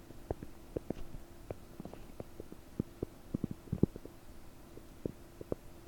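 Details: Stomach noises about 9 hours after eating 30 prunes, recorded with a desktop microphone, belly bubbly and bloated: frequent small bubbling pops and gurgles over a steady low hum; increased bowel sounds (borborygmi).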